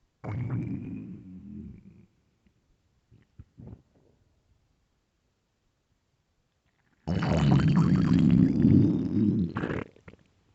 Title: hungry stomach growling and crying for food (starving) LOUD